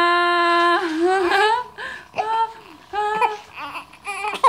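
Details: Loud, sustained infant wailing with rising and falling pitch, broken by short catching breaths; ordinary baby crying.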